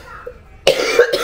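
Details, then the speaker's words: Single short, harsh cough from a 27-year-old woman who is ill, with phlegm in her chest and still short of breath; chest congestion. "yung dibdib sa flema. Hindi pa maganda. Hinihingal pa rin ako."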